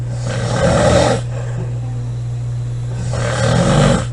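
Two loud, rough, rumbling breaths about three seconds apart over a steady low hum. Loud snoring.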